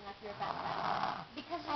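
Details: A single rough, rattling snore on an in-breath from a sleeping child, with faint voices nearby; snoring.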